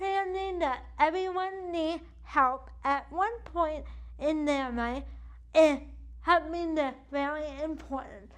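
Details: Adult woman with cerebral palsy affecting the right side of her body, with weak right arm, uses a wheelchair, and states CP affects her speech; dysarthria (cerebral palsy).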